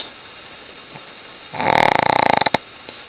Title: My Shih Tzu snores like a freight train: She's keeping me up at night! HILARIOUS footage